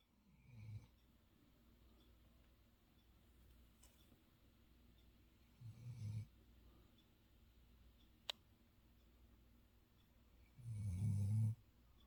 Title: Long Haired German Shepherd Snoring